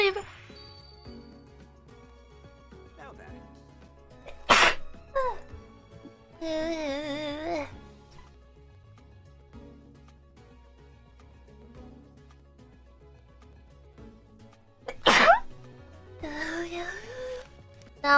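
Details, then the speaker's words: A streamer struggles to sneeze, then gives two sharp, explosive sneezes several seconds apart, each followed by brief relieved voicing, over soft background music; sneezing. "Oh god. Oh, I sneezed. Oh, thank God I finally sneezed."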